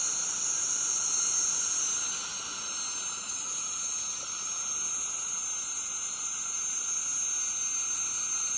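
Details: Steady high-pitched whine and hiss without a break from an ultrasonic dental scaler during deep dental scaling; dental scaler in use.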